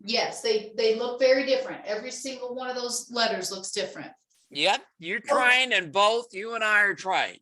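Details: Adult woman, therapist; Normal speech.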